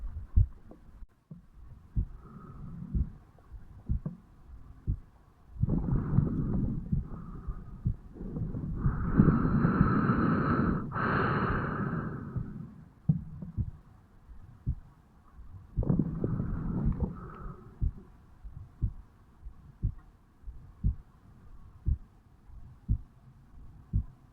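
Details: Heart sounds of a 35-year-old male, recorded at the mitral (bicuspid) valve area on waking in the morning: steady soft thumps partly covered by bursts of breathing or rubbing noise.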